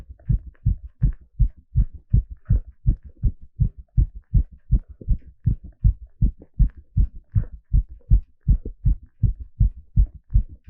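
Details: Heartbeat sound recorded live during an ECG exercise stress test: fast, steady, regular low thumps at about 160 beats a minute; a rapid heartbeat under exercise.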